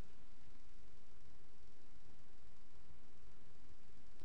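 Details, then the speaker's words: Low, muffled heart sounds with an extra faint thud soon after the second sound, a teaching example of abnormal cardiac auscultation; third heart sound (S3 gallop). "se puede ver eso sí aparece entonces un tercer ruido cardíaco cierto y Aquí vamos a ver a escuchar Entonces el"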